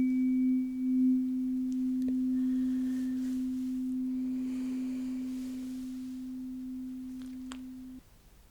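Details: Simulated ASMR doctor-roleplay hearing test, repeated cycle of ear, other ear, then top of head: steady pure hum of a struck tuning fork fading over about eight seconds, with faint taps, until no longer heard.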